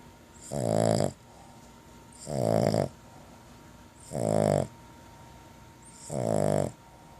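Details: A dog napping after chewing a bacon-flavored long-lasting chew, snoring: four loud, evenly spaced buzzing snores, about one every two seconds, with quiet gaps between.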